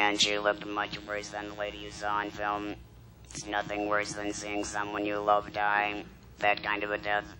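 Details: Electrolarynx speech by a woman after laryngectomy followed by radiation and chemotherapy, using a battery device held against the throat.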